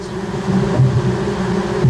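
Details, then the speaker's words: Tinnitus simulation: a steady low bee-like buzzing hum, the constant noise a patient hears 24 hours a day, with several noises at once, likened to a pressure cooker. "é 24 horas e não é só um barulho são quatro cinco na mesma hora então isso me incomoda muito muito"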